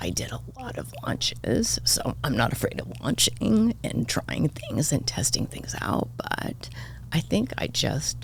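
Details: Adult woman diagnosed this year with spasmodic dysphonia, in which vocal cord spasms make the voice cut in and out; she attributes it partly to voice overuse as a podcast host and partly to stress, and says it seems to be happening now.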